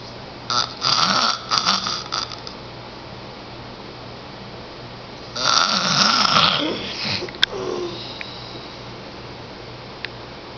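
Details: 10-year-old boy asleep, snoring loud enough to be heard down the hall through a closed door: two bursts of rough, fluttering snoring separated by several seconds of quiet.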